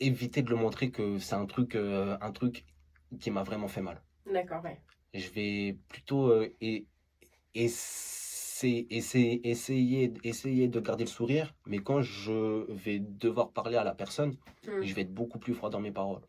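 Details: Man who stutters; stuttering.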